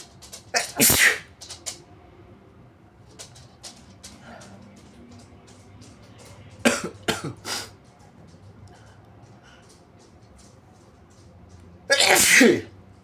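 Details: Sneezes deliberately induced with paper tissues while trying to hold back: three loud, wet, explosive sneezes separated by quiet breathing and small held-back sounds.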